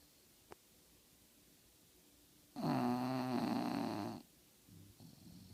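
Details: Female English bulldog napping gives a single loud vibrating snore of about a second and a half in a quiet room, followed by soft breathing; dog snoring.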